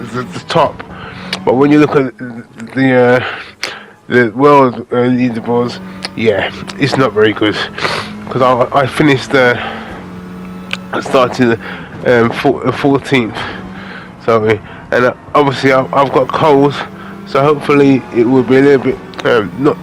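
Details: Adult man with aphasia following a major stroke in August 2013, doing spoken gaming commentary as speech practice; aphasia.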